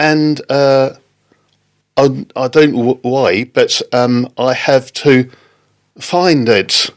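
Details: Non-fluent aphasia in an adult man, a father, after a stroke in October 2019; halting, non-fluent speech.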